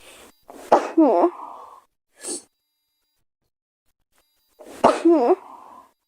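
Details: Girl: two high-pitched sneezes, each a sharp burst with a brief vocal trailing sound, separated by a pause, followed by "excuse me". Ordinary sneezing.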